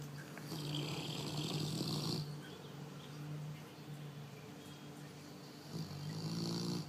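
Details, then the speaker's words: A Cane Corso dog snoring with a rumbling, low, rattling tone on slow breaths, separated by a quieter stretch, with faint room noise. "What are you doing, baby? You're snoring."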